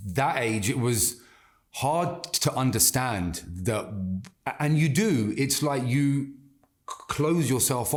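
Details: Adult man with stuttering (stammering) since childhood that has not stopped in adulthood; he reports anxiety and stress make speaking harder and that he can control it by slowing down and taking a breath.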